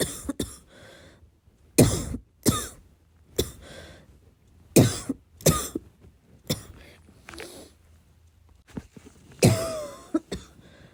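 Repeated harsh, barking coughs with throat clearing, some sounding loose and chesty, a persistent productive-sounding cough.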